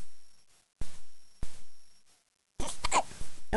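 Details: Hiccups in a little one who gets giant hiccups at least twice a day: sudden short jerky catches of breath, several in a row, with other noise near the end.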